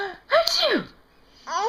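A voiced sneeze-like burst with a sharp onset and falling tail, followed by a brief vocal sound; a playful, deliberately faked sneeze.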